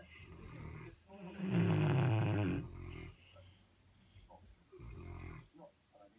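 Low, rumbling, fluttering snores from large dogs, one loud and long, with softer snuffling breaths after; ordinary snoring.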